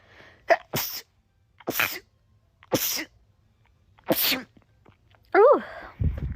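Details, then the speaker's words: A rapid run of about five sneezes in a row with short breaths between, ending in a small vocal sound; rapid repeated sneezing. "I feel like I only sneeze in increments of like"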